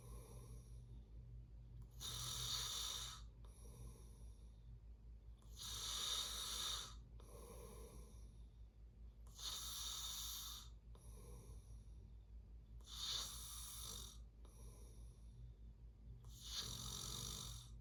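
Rhythmic rattling snores on each breath, about 17 a minute, with quieter breaths between and a steady low hum behind.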